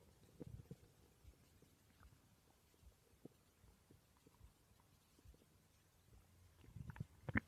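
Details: Borborygmi recorded while the person slept: low gurgles and soft rumbles from the belly, louder toward the end, ordinary stomach growling.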